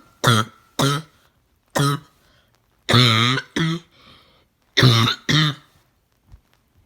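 Seven harsh, voiced coughs, some in pairs, with a hoarse, seal-like bark between quiet pauses; a barking cough.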